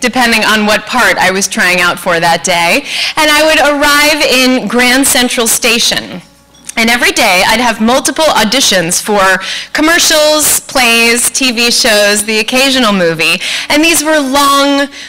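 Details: Adult woman speaking; Normal speech.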